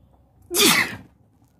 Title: Sneezing while sitting on the bed